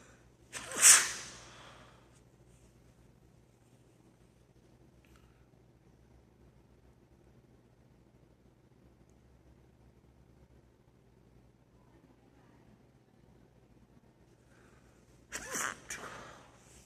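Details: Person sneezing at school: two sharp, explosive hissing bursts separated by a long quiet stretch.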